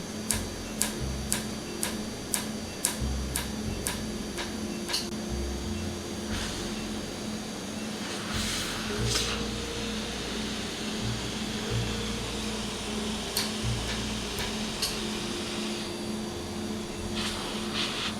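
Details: Laser tattoo removal treatment in Jamaica, after numbing cream: rapid sharp regular ticks at first, then scattered clicks over a steady machine hum and room noise, as the laser fires pulses and the hit ink frosts over.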